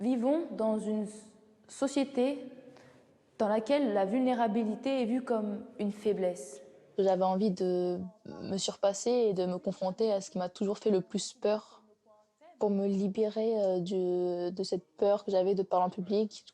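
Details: Stuttering in a 21-year-old woman, with onset in adolescence.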